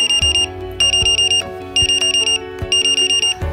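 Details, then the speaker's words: Infant breathing monitor apnoea alarm: loud repeating bursts of rapid high beeps over music. The monitor vibrates after 15 seconds without breathing, alarms after 20 seconds, and beeps if abdominal movement falls below 8 per minute. "it will let out a loud beeping alarm if the abdominal movement has fallen below 8 per minute if there's no breathing for 15 seconds it will vibrate to try to help roost the baby after 20 seconds of no breathing it will sound an alarm"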